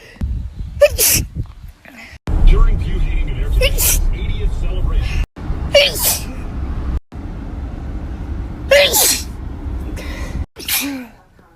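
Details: Several sharp sneeze bursts, about five, from a short sneezing compilation, heard over loud low background noise and some talk; sneezing.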